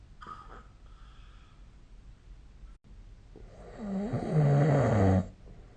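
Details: Snoring recorded with the SnoreLab app: quiet breathing, then one loud, rattling snore on an in-breath over faint room hum.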